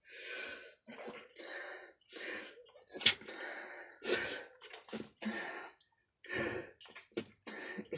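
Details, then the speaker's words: A woman sneezes again while talking: a sharp, abrupt sneeze interrupting quiet speech, with short breathy sounds around it. "je vais encore éternue mais c'est bizarre"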